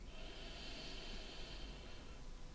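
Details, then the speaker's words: Simulated ASMR doctor checkup roleplay: steady, airy, smooth breath sounds in and out during deep breathing on chest auscultation of an adult; lungs clear, no crackles; normal breath sounds. "And your lungs actually sound really clear. Okay. Alright, no crackling or anything like that."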